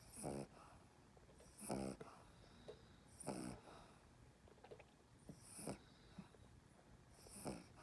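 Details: Regular snorting, rattling snore bursts, about 40 a minute with a harsh wheezy edge, from Chaney, a small dog held in someone's arms, described as an inverted reverse snore; snoring.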